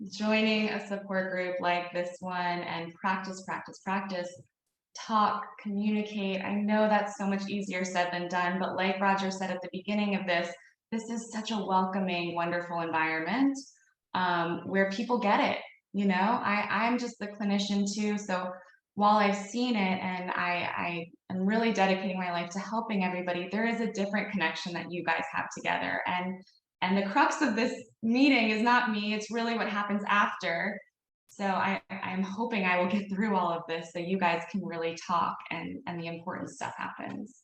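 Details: Adult woman speaking; normal adult speech.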